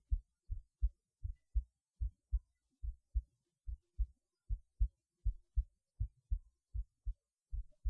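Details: Heartbeat self-recorded through a cheap acoustic stethoscope: steady, regular paired low thumps at about 80 beats a minute; heart sounds.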